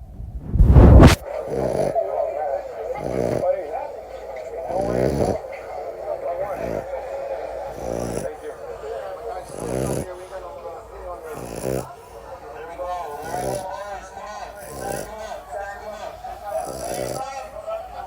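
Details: A sleeping female French bulldog snores steadily and rhythmically, with nasal, whistling breaths about every second and a half; snoring.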